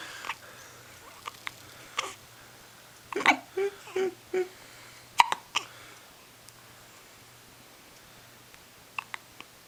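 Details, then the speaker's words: 10-day-old baby with hiccups: several brief, sharp, irregular catches of breath in a row, with the whole body shaking with each; faint room hum behind; infant hiccups. "More hiccups? So make him go away. Your whole body shakes when you hiccup, don't you, baby?"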